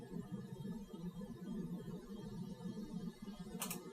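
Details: Korotkoff sounds, muffling and disappearance.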